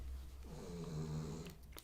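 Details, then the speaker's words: A sleeping puppy's soft, low, rumbling snores, heard over room noise and getting louder. "now that I know it's that one um you can hear the puppy snores now it's getting louder"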